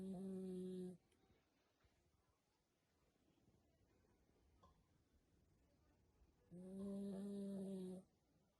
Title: Funny Yorkie is snoring.